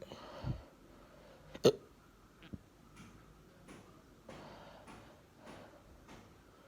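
A sharp, loud hiccup followed by a few fainter catches and clicks amid room noise, fitting hiccups.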